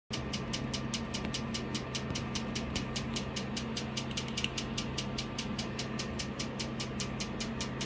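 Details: Hands-on training in laser treatment for melasma: steady machine hum with a fast train of sharp regular clicks, two to three a second, as the aesthetic laser fires pulses.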